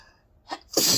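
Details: A short, sharp burst followed by a louder, hissing sneeze, a double sneeze; induced spray sneezing from nasal tickling, person unsure whether sensitive or allergic to the object used.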